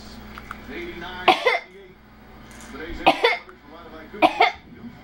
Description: 05/17/2009 Baby using fake coughing on occasion when bored, frustrated or to get our attention (30 weeks old).